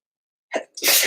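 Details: Adult male sneezing: a short drawn-in breath, then a sharp explosive burst of air, a single loud sneeze.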